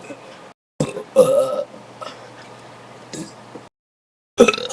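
Deep, rough, drawn-out throaty sounds separated by silent gaps; belching.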